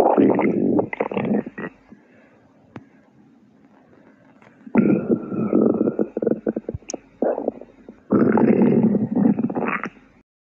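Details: Stomach growling: loud gurgling, rumbling bursts in three long runs with quiet gaps, from gas and fluid moving through the gut.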